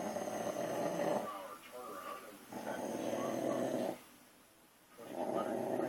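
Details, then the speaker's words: Sleeping dog snoring loudly while being covered with blankets to muffle it: rough, regular snores, about three long ones with quieter gaps between. "and we're gonna see how many blankets it takes to muffle his snoring. Alright, there's one."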